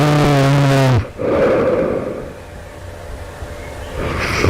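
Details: A loud, harsh snore stopping abruptly, then a noisy out-breath and a pause before the next snore, just before waking at night; the sleeper asks whether this suggests developing sleep apnea; loud snoring.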